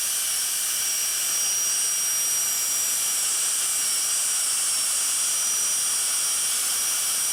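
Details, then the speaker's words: Continuous shrill high-speed dental drill whine with hissing water spray, cutting through the periodontally involved distobuccal root of an endodontically treated maxillary first molar while sparing the lingual and mesiobuccal roots. "Periodically, a cohorn explorer is used to check to see if we are through the route. must be care must be taken not to nick the lingual or the messial buckle root."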